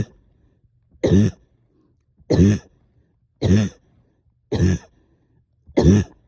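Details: Productive cough, up coughing all night with stubborn sticky phlegm, heavy chest and headache: five separate wet, rattly, loose coughs about a second apart.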